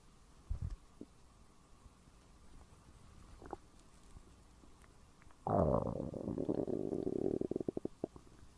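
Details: Borborygmi around noon in a woman who had skipped breakfast and lunch: faint gurgles, then a long, loud, hollow growl with a bubbling, rattling tail from an empty stomach.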